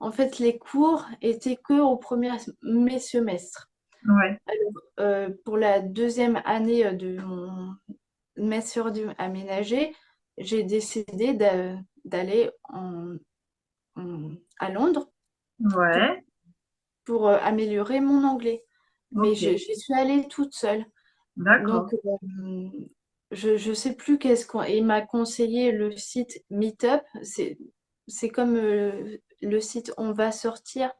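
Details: Young woman, speaking French, with aphasia after a stroke at age 22 that severely affected her speech and grammar, years later; aphasia after stroke.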